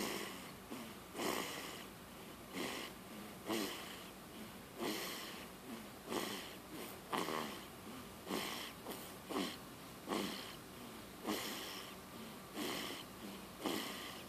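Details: Repeated short, harsh snorting breaths, about 12 in 14 seconds (roughly 50 a minute), with noisy airflow through the nose and throat; snorting.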